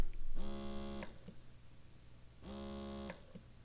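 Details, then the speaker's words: Affordable dual motor electric breast pump: low motor hum in suction pulses with long quiet dead time between cycles, even more noticeable on higher vacuum; cycles per minute and vacuum levels described as fine. "how there's a break in between the Cycles again this is not a bad thing this is just how the pump works this one had quite a long break though you hear all that dead time in between it was even more noticeable on higher vacuum"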